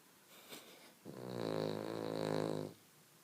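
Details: Small dog snoring: one loud, buzzing, vibrating snore lasting almost two seconds.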